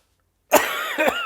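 Two harsh coughs in quick succession, with voiced sound carrying between them, from an adult with COVID-19.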